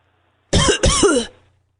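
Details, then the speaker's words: Simulated cough from a caller on a comedy podcast: two quick, harsh coughs run together, acted on purpose as a "cough once for yes" reply, not from illness. "It sounds like you're having a coughing problem. Are you all right? Is this a medical emergency of some sort?"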